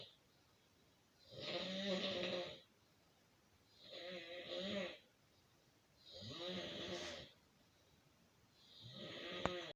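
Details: Snoring from a sleeping man sharing a bunk bed overnight: loud, bleating, goat-like snores roughly every two and a half seconds, separated by quiet gaps.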